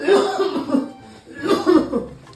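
An adult coughs in two short voiced bursts without a wet or rattling sound, fitting a dry cough.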